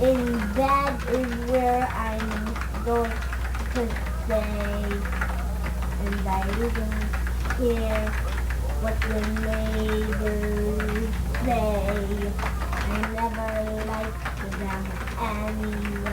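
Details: Home recording from December 1991 of a boy aged about 6.75 years who had a childhood speech impediment and was later described as autistic; speech impediment.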